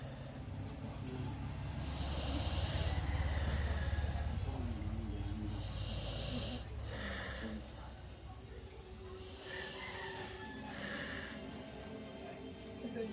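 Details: Low, rumbling snores with brief airy snorts, repeating at a steady rhythm during sleep; snoring.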